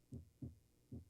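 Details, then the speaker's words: Example recording of normal heart sounds played in a biology class: clear low lub-dub at a steady rhythm, about 75 a minute, with normal first and second sounds from valve closure. "Alors, on entend là le son des valvules. Sound 1, 2, 1, 2."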